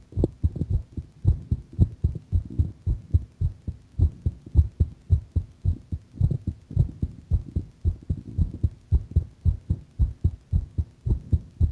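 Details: Heart sounding a bit faster: steady low lub-dub thumps at roughly 110 beats a minute with faint background hum; fast heartbeat.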